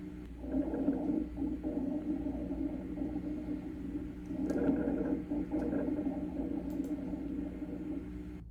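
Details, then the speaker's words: Rhonchi from a heart and lung sounds reference recording: low, coarse rattling and snoring sounds generated in the large airways, rising and falling over two breaths. "Roni are harsh, loud, crackling sounds generated in the large upper airways. Think of ronai as occurring in the bronchi."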